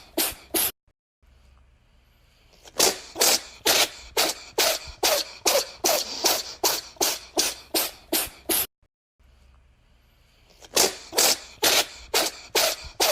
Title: The Cat Sneezes So Fun